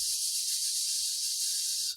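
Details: Demonstration of a stuttering prolongation: tongue jammed against the teeth, not moving, while airflow continues, with no forward movement in speech; stuttering prolongation.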